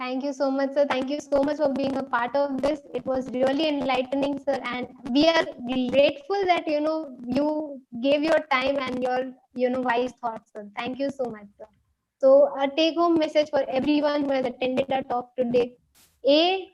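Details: Adult woman speaking; Normal speech.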